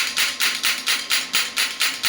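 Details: Electromagnetic shockwave therapy device for trigger point and soft tissue therapy firing: rapid, evenly spaced sharp clacking shots, about four per second, as the frequency is raised (maximum around 14–16).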